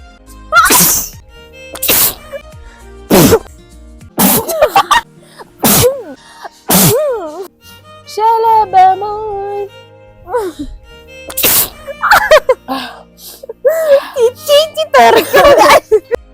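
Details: Repeated sharp sneeze bursts, about eight, during a sneezing challenge, mixed with laughter and voices over loud background music; sneezing.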